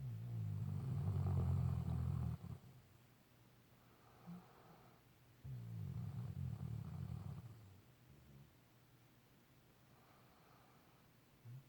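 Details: Snoring recorded 2.17.17: low rumbling, fluttering snores in long stretches separated by quiet gaps; ordinary snoring during sleep.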